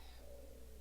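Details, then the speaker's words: Adult's stomach growling audibly while talking, said to be close to lunchtime; ordinary borborygmi. "I hope you didn't hear that. That was my stomach growling. It must be getting close to lunch."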